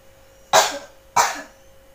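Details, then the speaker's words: Effective cough technique demonstrated by a nursing student with an adult woman: after deep breaths and a 3-second breath hold, two strong, forceful single coughs about half a second apart to clear sputum. "Tarik napas, Ibu. Tahan selama 3 detik, terus batukan, Ibu."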